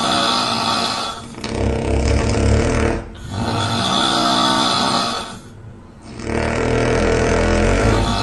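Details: Simulated couple snoring (man and woman, recording made by the woman): very loud, harsh, rasping snores in long overlapping waves, nearly continuous with only brief quieter gaps; heavy snoring.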